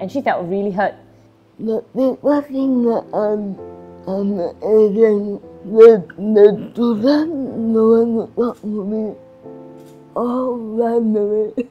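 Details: Adult woman with cerebral palsy and restricted movements; slurred speech, described by her teacher as difficulty speaking clearly; dysarthria (cerebral palsy).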